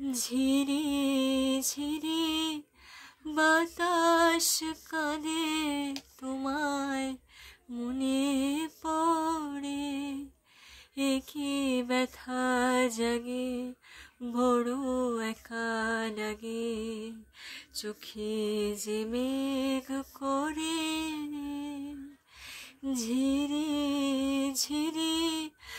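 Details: Patient singing a Bengali song after cleft palate repair, presented as showing a high-pitched, sweet singing voice is possible after the operation.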